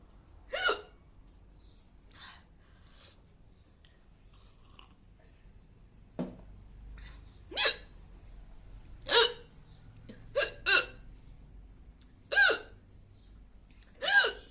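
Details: Adult woman hiccuping repeatedly, short, sharp, irregularly spaced gulping sounds in a quiet room; hiccups (singultus).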